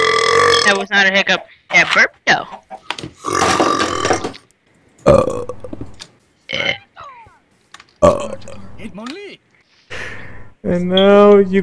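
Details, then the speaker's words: Gamers burping: several loud, drawn-out belches mixed with brief voices and laughter in a small room; repeated burping. "Like, that is ew. You guys burp like that. I don't get how he burps like that."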